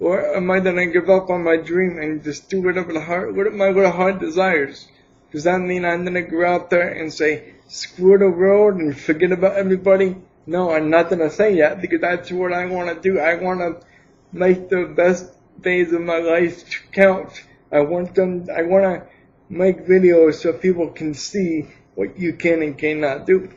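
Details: Adult man with cerebral palsy for 28 years, attributed to lack of oxygen at birth; did not speak as a baby, later began talking; speaks without an assistive device; dysarthria in cerebral palsy.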